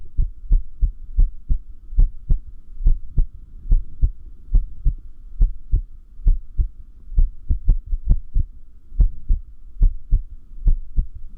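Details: Irregular heartbeat sound (arrhythmia); arrhythmia said to increase with sleep deprivation.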